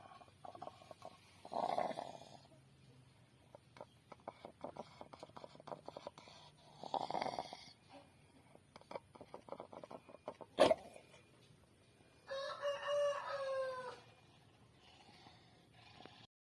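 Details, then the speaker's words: Sick chicken with a respiratory illness (snoring, flu, sneezing) before treatment: repeated rattling, snore-like breath noises with one sharp snort. "kali ini saya akan berbagi pengalaman tentang pengobatan ayam yang sedang ngorok sakit flu bersin-bersin"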